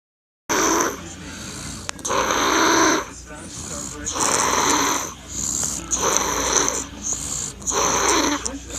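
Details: A baby snoring loudly: loud, rough, noisy breaths repeating about every second and a half over a steady background hum.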